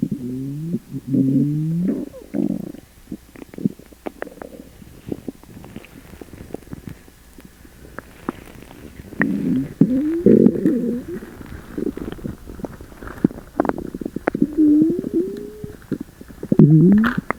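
Loud gurgling, squeaking and rumbling bowel sounds come in bursts, fitting hyperactive bowel noises of an upset stomach.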